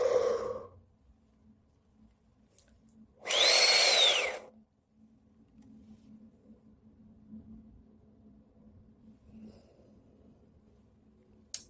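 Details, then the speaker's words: Dry powder inhaler demonstration in asthma/COPD teaching: with the dose already loaded, a brief exhalation, a pause, then one strong, steady deep inhalation that triggers a click, followed by quiet breath-holding. "Alors, vous avez entendu lorsque j'ai inspiré, vous avez entendu un déclic et regardez, la fenêtre est redevenue rouge."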